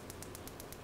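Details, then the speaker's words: Shockwave probe clicks with loss of skin contact: PiezoWave2 Vet at about 8 clicks per second on a horse's front leg for high suspensory syndrome; clicks thin and change as contact is lost over the leg's contour. "lost contact so because of the contour of the leg you have to just press a little bit"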